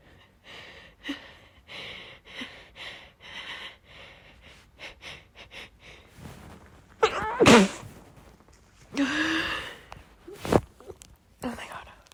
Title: wet sneezing with buildups (f)